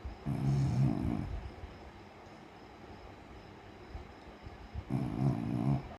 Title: snoring while sleeping #dog #funny #beagle 😄😍